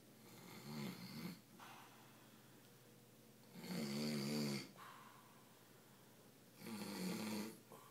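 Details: Adult man asleep in a hotel room: three rough, vibrating snores on the in-breath, evenly spaced about 20 a minute, with quiet breathing between them; snoring.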